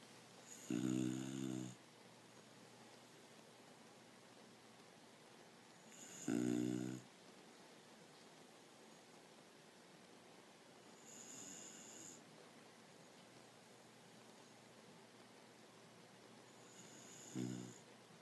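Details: Female dog asleep on a couch in a funny position: rough, very loud snores about every five seconds, some loud and some faint, over steady room noise; snoring.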